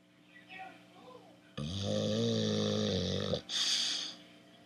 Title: My Bulldog Snoring